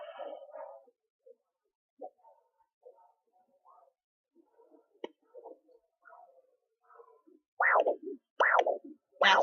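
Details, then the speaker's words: Maternal arterial pulse on a Sonoline B fetal Doppler at 13.2 weeks pregnant: faint scattered shuffling, then loud rhythmic whooshes near 75 a minute, often mistaken for the fetal heartbeat. "the artery sound some people think that's the heartbeat with that sound that is not the heartbe"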